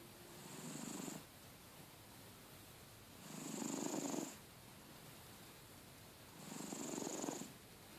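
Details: Sleeping cat snoring loudly: slow, regular rasping breaths about one every three seconds, each with a whistling edge.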